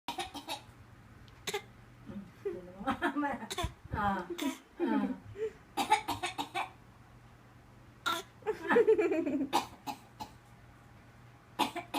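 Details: A child deliberately fakes a cough: a series of short, forced coughs mixed with giggly, voiced sounds, a voluntary cough.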